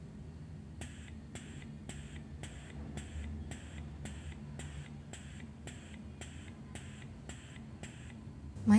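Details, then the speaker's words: Fatz Baby double electric breast pump at level 1, switched from massage (stimulation) to suction mode: quiet low motor hum with regular soft clicking suction cycles, about two per second. "với máy Fatz Baby này thì mình sẽ cho các bạn nghe độ ồn ở level 1 đây là chế độ kích thích ha massage đây là chế độ hút"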